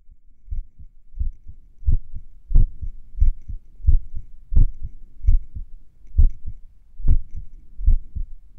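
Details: Heartbeat recorded a few minutes after morning exercise: clear paired heart sounds at about 90 per minute with gaps that stretch and shorten unevenly, sinus arrhythmia during recovery.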